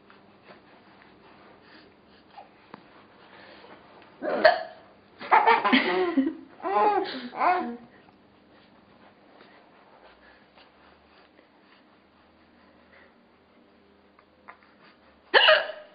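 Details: A mother's hiccups: short, abrupt voiced hiccup sounds mixed with laughter from another person.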